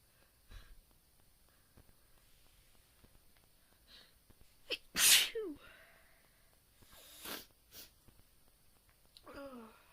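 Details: A deliberately induced sneeze: a loud, explosive sneeze with a sharp inhaled lead-in, then a second sneeze and breathy exhales; ordinary sneezing.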